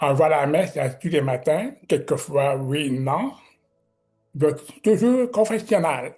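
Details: Speech of a man with severe-to-profound deafness who learned to pronounce letters; deaf speech.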